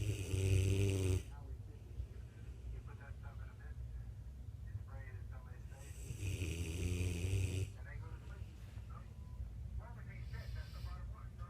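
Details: Mastiff dog snoring at 3 a.m.: two long, loud, deep rattling snores about six seconds apart over steady room noise; heavy sleep snoring.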